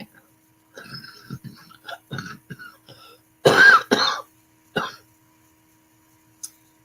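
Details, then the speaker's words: Adult with a bad, lingering cough, said to sound better than before: soft throat noises followed by three forceful, harsh coughs in a quiet room. "this cough is bad um but actually this sounds good compared to what it has been sounding like"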